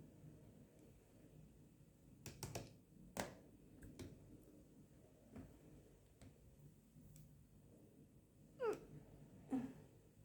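Short, abrupt hiccup sounds at irregular intervals in a quiet room.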